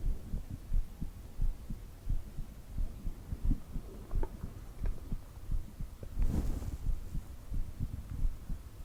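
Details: Soft, steady lub-dub heartbeat of about 88 beats a minute under faint background hiss; a normal heartbeat.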